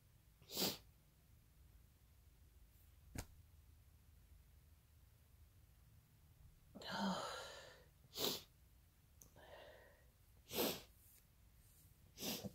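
Several sharp bursts of air with inhaled catches between them in a quiet room: a run of induced sneezes, a normal reflex.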